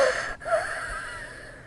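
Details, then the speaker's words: A brief high, musical whistling wheeze during breathing, described as a sign of pneumonia: wheezing in pneumonia. "और viewers, rapid breathing ही pneumonia की पहली और common तरीन अलामत है, और सांस लेते हुए व्हीजिंग नॉइस प्रोड्यूस होना, जो कि आपको सुनाई दे रही है।"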